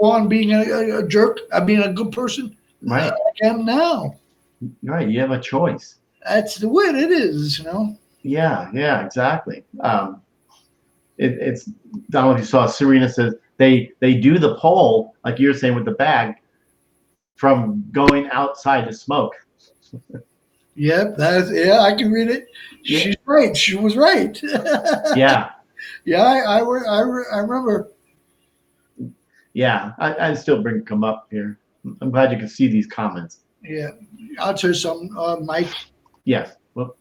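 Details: Adult male stroke survivor with Broca's aphasia for more than 8 years since a stroke on March 22, 2011, also a heart transplant recipient; speech limited to short utterances, laborious word-finding, verbs harder than nouns; Broca's aphasia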